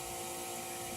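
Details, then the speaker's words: Wall suction unit in a simulation lab, switched on before tracheostomy suctioning on a mannequin, tubing thumb-occluded to build pressure: steady loud mechanical hiss and hum with a fixed tone. "so my suction tubing if I put my thumb on it you see how pressure will build up slowly so when you go to section on these mannequins you have to give it whole pressure for a little while to give it time to build up some suction"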